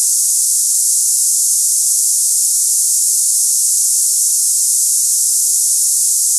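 Constant high-pitched hiss like cicadas, a simulation of hissing tinnitus.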